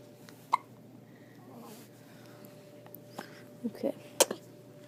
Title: 10/23/12 just born hiccups